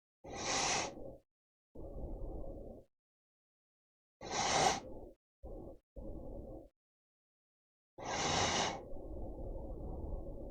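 Slow cycles of snorting inhaled snores, each followed by a rougher exhaled breath, about 15 breaths a minute: snoring.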